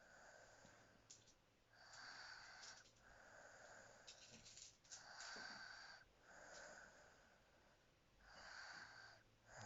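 High-pitched, whistling breath sounds repeat about 19 times a minute during sleep. This is a wheezy, whistling snore.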